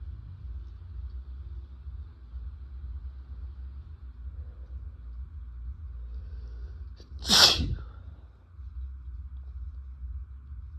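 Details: Adult man with a cold, part of a triple sneeze: one forceful explosive sneeze over steady low background rumble. Sneezing.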